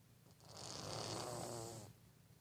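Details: Sleeping cat snoring like a human: single rough, rattling breath about one and a half seconds long, deep like a person's snore.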